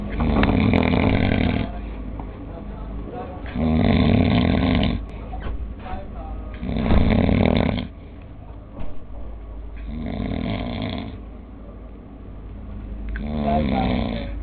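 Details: Loud, rough, low rattling snores on inhalation, about 16 a minute, with quieter breathing between them; snoring.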